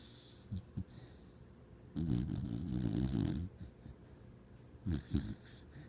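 Low, rumbling, fluttering breath noises with short snorts in between from a sleeping dog: snoring.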